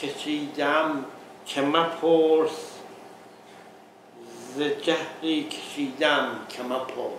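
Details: Adult man with transcortical motor aphasia after a hemorrhagic stroke two years earlier, on a second practice run ordering coffee with written key words, repeating words; transcortical motor aphasia.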